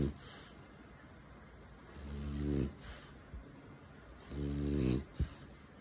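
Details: French bulldog asleep while held and cuddled in arms: snorting snores with whistling nasal sounds between them; snoring.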